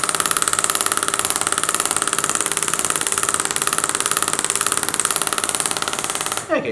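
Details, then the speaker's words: Radial shockwave (Storz MP100) to the sides of the posteromedial tibia, off the bone, aiming for 1000 impulses to desensitise muscles; 23-year-old female runner, 4-month shin pain. Rapid steady mechanical tapping, about three pulses a second, with hum. "so let's start with radial shockwave which we're going to look into so i won't be going on the bone but mainly working on the sides here of aiming for at least 1000 impulses"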